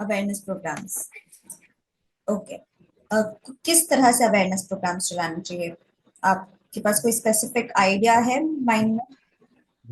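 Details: Adult woman speaking Hindi; typical speech.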